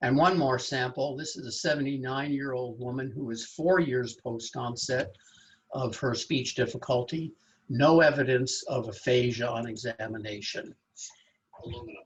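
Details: Adult male lecturer; typical speech.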